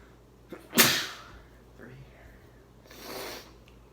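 One sharp, explosive sneeze with a brief intake before it, followed by a softer breathy sound.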